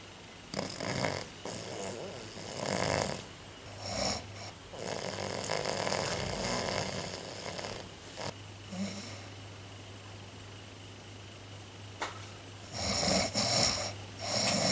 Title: Snore chat